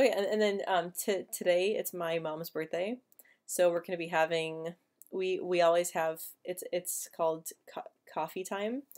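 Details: Adult woman who stutters; word and phrase repetitions audible; stuttering.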